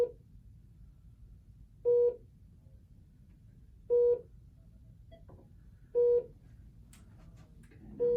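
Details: Short, evenly spaced electronic beeps about every two seconds in a quiet room: Philips bedside monitor touchscreen key tones while admitting a patient in a training demonstration; monitor key beeps.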